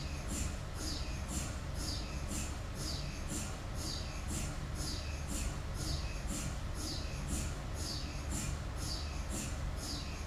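Loud steady machine hum with rapid rhythmic knocking pulses, about two per second. Typical noise of an MRI scanner running.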